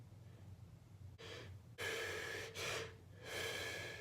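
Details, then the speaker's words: Person unsure whether it counted as a sneeze during a sneezing fit of about ten sneezes: sharp inward gasps then forceful breathy bursts through nose and mouth, like sneezes that partly stall, quiet room; sneeze. "Det var liksom som att jag nös, men det kom liksom inte ut. Så jag har ett jätteproblem just nu."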